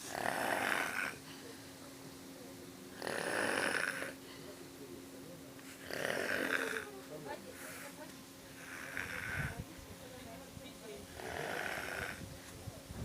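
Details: Sleeper who dozed off in a pool after swimming, with regular rasping snores on each in-breath, about 22 a minute, over a steady background hum; snoring during sleep.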